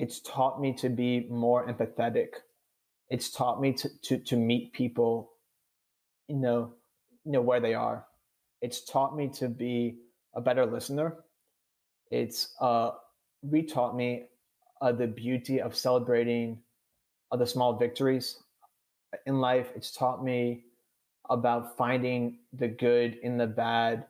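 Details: 26-year-old man with childhood-onset stuttering involving blocks and syllable repetitions, who had speech therapy twice and says he stutters on this recording; real speech; finding: stuttering.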